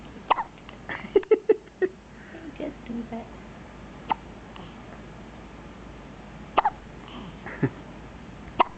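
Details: One-day-old newborn girl hiccuping a lot after feeding: brief, sharp, repeated little hiccup sounds at irregular intervals over a quiet background; newborn hiccups.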